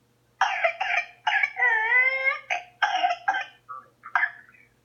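A run of harsh, rapid coughs broken by a long, high, whistling in-breath: the whoop of pertussis.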